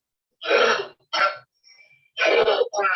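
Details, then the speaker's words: Child with chronic cough occurring only in the daytime and never at night, diagnosed as habit cough: a few loud, honking, throat-clearing coughs in quick succession. "this child has a cough only during day time there is no cough at night time so that is one of the clinching diagnosis and this was a habit cough"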